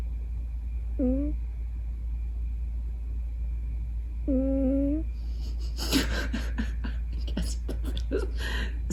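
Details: Scottish Fold cat snoring in sleep: two drawn-out, humming, slightly whistling breaths a few seconds apart, then rustling handling noise.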